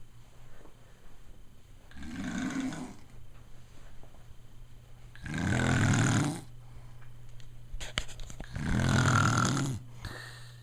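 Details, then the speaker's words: A father snoring while asleep, loud enough to hear from another room, with a family member suggesting a sleep study: three loud, rumbling snores about every 3.5 seconds, roughly 18 a minute, with quiet breathing between. "can hear how we could even hear it in here. Can you hear him? See what I have to put up with all the time?"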